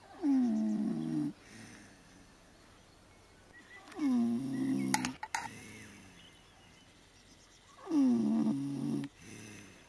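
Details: Snoring during an afternoon nap in a puddle: loud, rattling snores on each breath in, about 16 a minute, with quiet pauses between.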